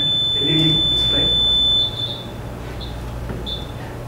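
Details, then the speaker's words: A steady high-pitched tone, then short repeated beeps: a student-built invasive blood pressure monitor alarm for readings near or beyond limits (systolic 100–140, diastolic 60–100 mmHg); 30-second mute. "the alarms have both audible and visual indications to create technical stuff during emergency situations when the pressure value goes below 100 millimeters of mercury and above 140"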